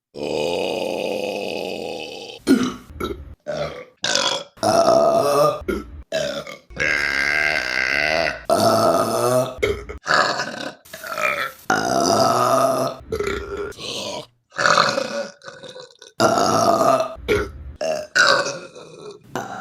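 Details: Burping (eructation): a rapid series of loud, voiced burps of varied length and pitch, some long and resonant, others short.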